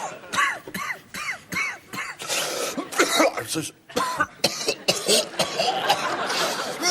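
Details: Acted comedy-sketch coughing fit by a newsreader character: a rapid series of harsh, voiced coughs running into strained, choking sounds.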